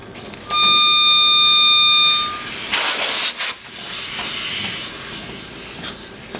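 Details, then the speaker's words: Setting up a humidified high-flow nasal cannula circuit for a neonate in the NICU: a steady tone, then loud bursts of gas hissing as the wall air and oxygen lines connect to the oxygen-air blender; normal setup noise. "okay so our air and oxygen sources will be plugged in to the walls and we will be hearing a noise from the blender as we plug in the oxygen and"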